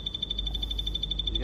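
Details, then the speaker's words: EMG biofeedback audio signal during maximal voluntary muscle contraction, gain set around 500, used to motivate the patient to contract maximally: steady high electronic tone with rapid regular pulsing over a low hum, described as very loud and noisy. "suaranya kecang banget berisik atau kita dikasih gak apa caak maksimal set guu ini kan untuk motivasi pasan tersebut untuk bisa kontraksi C maksimal"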